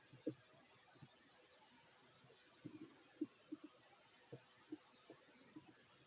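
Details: Fit adult male's stomach growling while eating: scattered soft gurgles and bubbling pops from the belly in a quiet room; ordinary borborygmi.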